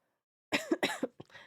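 A quick run of three coughs, the first two loud and the last softer; a lingering mucus cough after flu.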